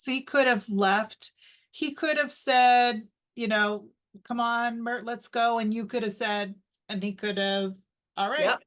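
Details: Adult woman speaking; normal speech.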